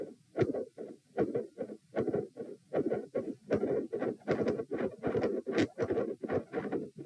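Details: Heart sounds recorded at position p, lying down, during attempts to provoke murmurs: beat near 78/min, loud split S1 and S2 with a whooshing midsystolic murmur between them.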